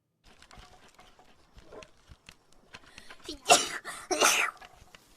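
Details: A VTuber sneezes lightly: after faint clicks and rustling, two sharp, airy, high-pitched bursts.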